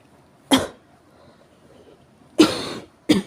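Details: Severe cough: three harsh, forceful coughs in about three seconds, the second longer and drawn out, in a quiet room.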